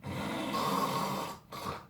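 A loud, rough, rattling snore, imitated, with a brief pause before a second snort: the noisy vibration of a narrowed airway during sleep.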